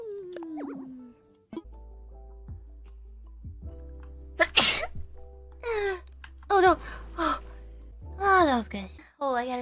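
Several sharp sneezes with squeals and laughter between them, over background music; ordinary sneezing.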